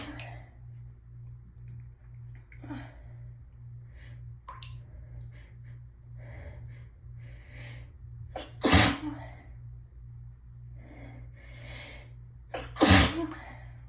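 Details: Adult with hay fever, sore raw nose after building urge all day: sniffing and catching breaths build to two forceful explosive sneezes, some with a deep honking noise from sneezing through nose and mouth together.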